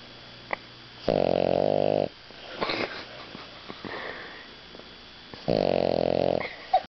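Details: Dog snoring after eating a lot, asleep with one eye open: two loud, buzzing snores about four seconds apart, with soft sniffs and rustling between.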